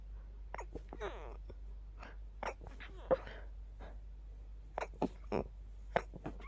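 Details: Adult stifling sneezes during an itchy night-time sneeze attack to stay quiet near a partner: quiet, rapid series of short, muffled sneezes with breathy catches between them over low room hum.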